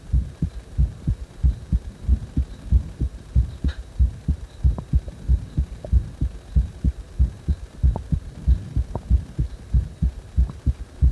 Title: 呼吸音強めな心臓音